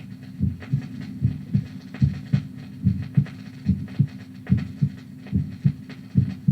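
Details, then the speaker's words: Normal heart sounds recorded at the apex from a vinyl heart-sounds record: regular lub-dub about 72 per minute with clearly audible first and second sounds. "The normal heart, recorded at the apex. The first and second sounds are clearly audible."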